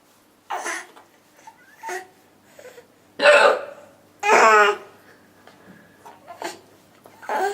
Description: After bathtime the other day, 4 month old daughter has discovered the funniest thing in the world: Mommy with the hiccups.